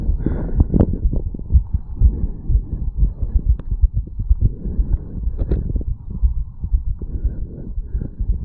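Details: 34-year-old male after a quick morning jog, stethoscope at the mitral area: rapid, strong, regular heart thumps about 120 beats a minute; fast heartbeat after exercise.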